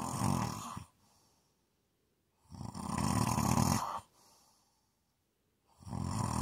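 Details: Loud, rough snores on each breath in, about 18 a minute, with brief quieter breaths out during sleep. Snoring.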